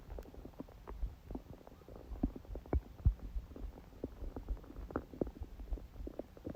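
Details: Woman during menstruation with only dull abdominal pain: quiet, irregular gurgles and low rumbles from the abdomen; stomach growling from bowel activity.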